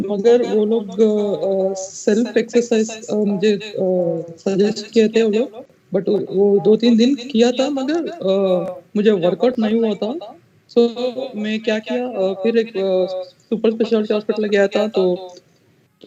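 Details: 33-year-old man, before treatment, with a high-pitched voice persisting since puberty for 15 years; puberphonia.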